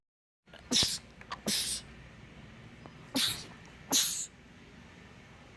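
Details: Male rapid sneezing attack from a sneezing compilation: four forceful, hissing sneezes in quick succession over a few seconds; sneezing.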